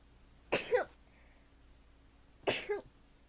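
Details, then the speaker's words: Young woman sneezing during a live stream, attributing it to dog hair getting in her nose: two sharp, explosive sneezes about two seconds apart in a quiet room; ordinary sneezing. "ごめんな、くしゃみ出た。"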